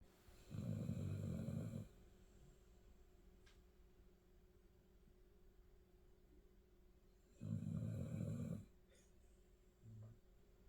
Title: Snoring